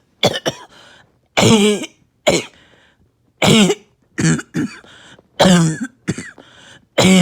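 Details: Bad, uncontrollable barking cough in a patient on medication with little chest pain this episode: repeated harsh, barking bursts with throat-clearing sounds between them.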